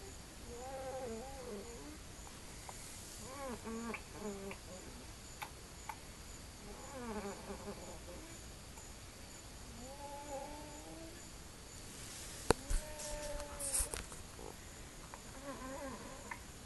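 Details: Child with a croupy cough: quiet, high-pitched whistling or whining noises recurring with breaths, stridor with wheezing.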